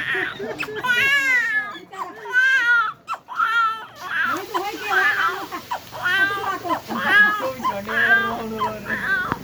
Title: A small baby making a crying noise